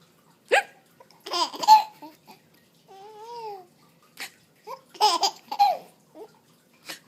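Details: 4.5-month-old baby with hiccups, laughing at mother's fake hiccup: giggling and babbling broken by several short, sharp hiccups.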